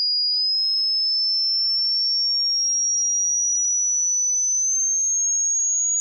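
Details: Hearing test: steady, high-pitched pure tone rising slowly in pitch over six seconds.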